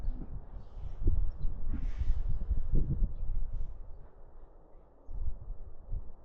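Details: Low rumbling, uneven breathing with soft snorts from a sleeping puppy, a light snore, during a 10-minute recording of the dog asleep.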